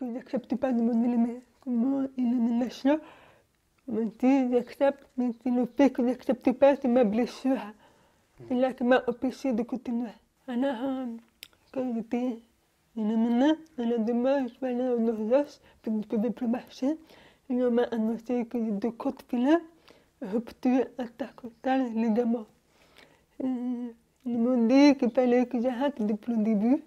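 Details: Young woman born deaf, using hearing aids since birth and recently new hearing aids, speaking French orally while lip-reading; finding: deaf speech.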